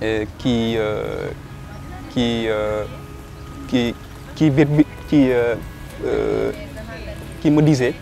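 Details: Young Senegalese man who stutters, a political science doctoral student who coordinates a stuttering association in Dakar; stuttering.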